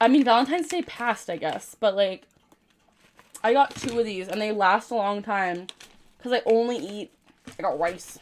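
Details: Woman with Tourette syndrome producing a phrase-type vocal tic, followed immediately by a dystonic neck tic; vocal tic (Tourette syndrome).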